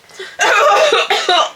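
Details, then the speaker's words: Acted coughing, pretending a vodka drink went down the wrong hole: a few harsh, voiced coughing bursts after a quiet lead-in. "you drink something and it goes down the wrong [Music] hole I can't breathe"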